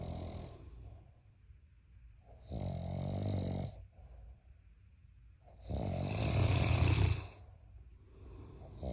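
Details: Two loud, low, rattling snores about three seconds apart with softer breaths between: heavy snoring from a giant Mastiff puppy, with a husband also snoring.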